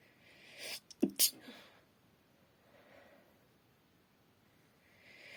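A quick intake of breath and then one sharp, hissing sneeze burst, followed by quiet room noise. A single sneeze.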